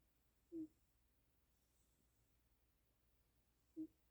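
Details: A pet cat snoring.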